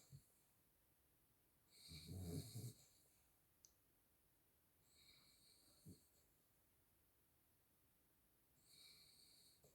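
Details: Sleeping miniature schnauzer snoring: soft, rough, snorting snores every few seconds with quiet pauses between, ordinary harmless snoring.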